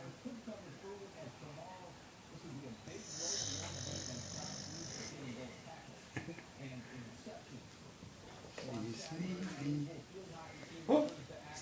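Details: Golden retriever sleeping after an exhausting day at the spa: low, rumbling snores, with a person's soft voice and room noise in the background; dog snoring.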